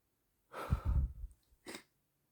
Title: Tickling my nose and sneezing into a handkerchief